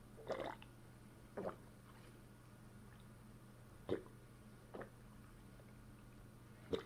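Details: About five brief wet gurgles and squelches over background hum as a fist pushes down on the stomach after a bowel movement; pressure-induced abdominal gurgling, borborygmi.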